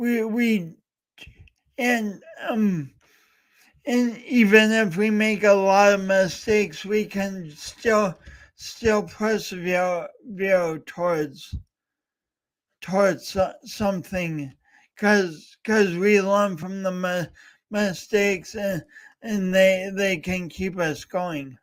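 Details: Real stuttering with whole-word repetitions in a male speaker, heard during a three-hour live talk-a-thon marking speech impediment day.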